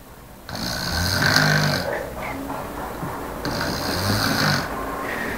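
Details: Person in deep sleep snoring: two loud, rough, rattling inhaled snores separated by quieter breathing, with steady room noise behind.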